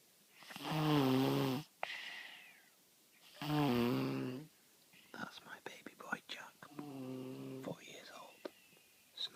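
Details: Snoring like an old man: long, loud, rumbling nasal breaths in a slow pattern with quieter snuffles between.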